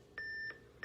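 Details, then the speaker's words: Two sharp electronic beeps from an automated external defibrillator (AED) during a training demonstration of AED use on an adult; the AED stays on and reanalyses the heart every 2 minutes between rounds of CPR; AED prompt beep. "We're just going to kind of let you hear that beep, but that's how you use an AED."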